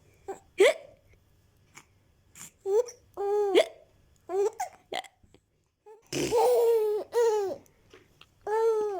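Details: Baby laughs and babbles in reaction to the mother's hiccups, broken by short, abrupt voiced catches; hiccups.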